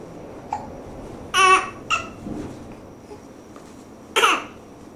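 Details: Brief, abrupt voiced catches of breath recurring a few seconds apart in a baby girl who is kicking her legs, consistent with hiccups.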